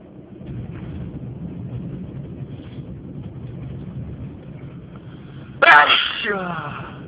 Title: First sneezing of 2011